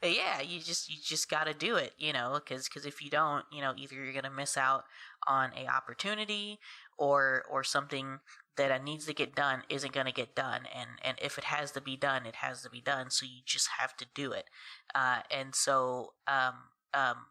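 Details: Adult woman who stutters and says stressful conversations make her stutter more, speaking on a stuttering podcast; stuttering.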